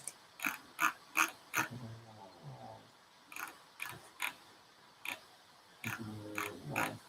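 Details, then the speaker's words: A puppy gently snoring in the background, two soft low humming snores, amid sharp clicks and rustling of packaging being handled nearby. "how about the manual snore you can hear the puppy gently snoring off in the background"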